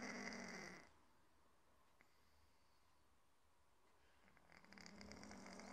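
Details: Sleeping cat snoring like a human: soft rasping snore at the start and a rising snore near the end with a quiet pause between; harmless snoring.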